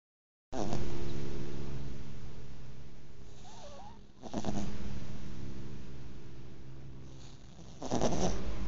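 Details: Sleeping cat snoring gently: soft rumbling, buzzing breaths about three seconds apart, blending with a purr-like drone.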